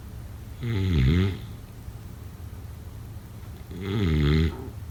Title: Snoring sounds… #6